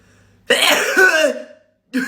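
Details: Single loud, explosive sneeze with a noisy release, then the start of another sound; person sneezing deliberately with eyes open after repeated attempts.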